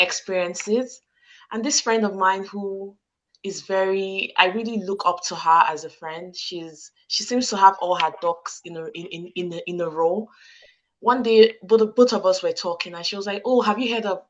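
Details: Stuttering in an adult woman, present since childhood, with word repetitions; she struggles to get some words out and sometimes squeezes her hands to get them out.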